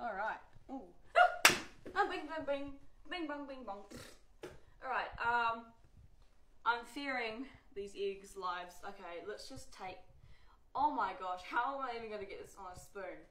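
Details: Vocal tics from Tourette syndrome in a woman, with repeated tic words occurring within her speech.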